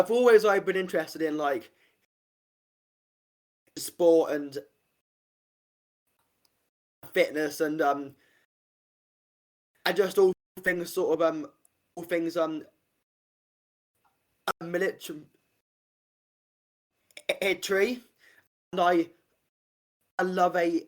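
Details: Adult man, stammer since about age five, worse in secondary school and under stress, improved with speech therapy techniques and practice; stuttering.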